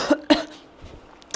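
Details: Two sharp, voiced coughs in quick succession from an adult, followed by quiet room noise.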